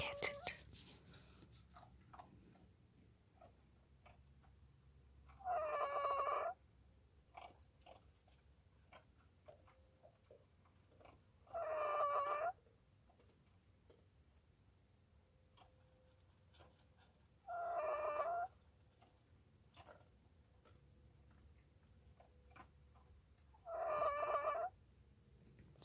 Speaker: fritter my little frizzle rooster is snoring